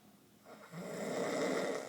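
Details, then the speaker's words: Young woman on her 21st birthday, asleep around noon, snoring loudly enough to vibrate the walls: a single rising, rough, rasping snore that builds over about a second and a half. "Walls are vibrating. Michael, he sleeps quietly. I don't know how he sleeps through this. She's a bear. Sounds like a bear."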